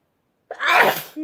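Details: A single loud, explosive sneeze after a brief silence, ending with a quick intake of breath, from a sneezing compilation; an ordinary sneeze.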